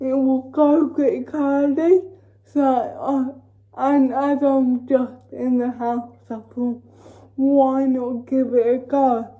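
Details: Female with cerebral palsy talking while feeding herself with a Neater Eater feeding aid; no speech disorder is named: dysarthric speech (cerebral palsy).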